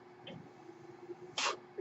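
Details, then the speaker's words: Faint steady hum then one short sharp hissing puff of air as the speaker's own mechanical ventilator delivers a breath during podcast speech. "my name is that noise you're hearing is my ventilator"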